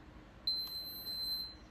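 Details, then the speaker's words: Enteral feeding pump for a special-needs baby's G-tube being started after the feeding set is loaded: a single clear electronic start beep with a faint click, in a quiet room. "now I'm gonna take the pump I am gonna open it up see that circle thing I'm gonna put this part around the circle thingy pull it tight snap it into place close it pretty simple to start it I just press on"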